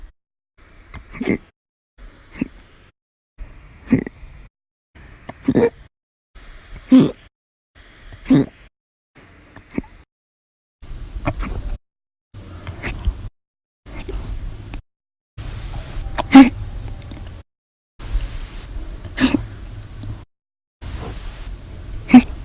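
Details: Persistent hiccups, starting after breakfast, lunch and a cup of soda after dinner, recurring on several days: repeated sharp, gulping hiccups every one to two seconds, about fifteen in all.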